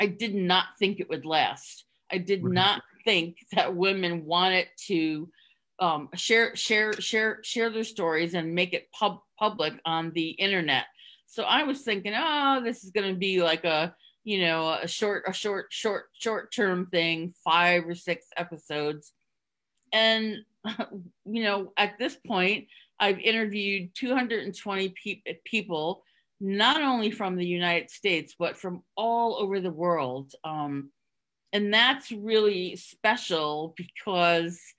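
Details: Stuttering in an adult woman who concealed it for close to 30 years (covert stuttering) and now stutters openly.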